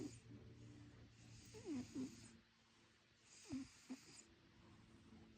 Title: Don’t wake the snoring cat.